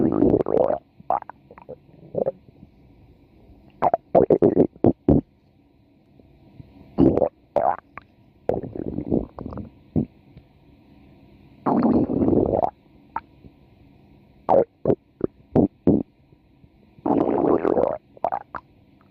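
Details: A woman's stomach growling: loud, frequent gurgling and squelching in irregular bursts, some long rumbles; ordinary borborygmi.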